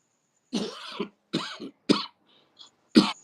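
An adult gives four short, harsh coughs with throat clearing, each a brief noisy burst separated by pauses; a plain cough.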